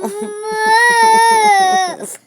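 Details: Sustained, high-pitched infant cry with a steady tone and soft pulsing beneath, the baby crying after losing its pacifier.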